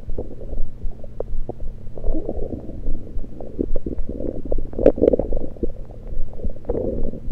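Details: Abdomen recorded with a USB electronic stethoscope, not during digestion, only liquids taken beforehand: steady low rumbling with frequent bubbly gurgles and pops; active bowel sounds.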